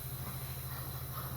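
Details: Steady low motor hum with a continuous airy hiss from a compressor nebulizer running during inhalation treatment for a severe cough.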